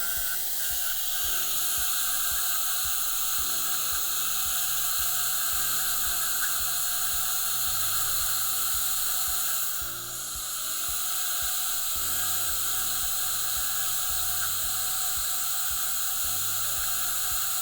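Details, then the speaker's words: Slow-speed dental handpiece with a fine-grit carbide bur texturing and feathering composite onto enamel in Class V gingival erosion restorations on teeth #8-9 (upper central incisors): steady high hiss and whir over soft music. "so i'm going to use this carbide bur and a slow spinning hand piece and this is going to allow me to create just a little bit of texture and make the light reflect up"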